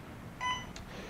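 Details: Single short electronic beep confirming a key press on a CareFusion Alaris infusion pump while programming a nicardipine infusion for stroke-patient transport, over quiet room noise.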